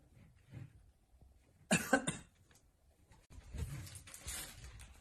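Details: Two quick, sharp coughs from an adult owner in a small room, followed by rustling and movement as the dog brings a mask; cough.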